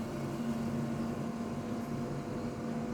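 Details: Oxygen concentrator just switched on and warming up before its oxygen flow is set: a steady low motor hum with a faint whir.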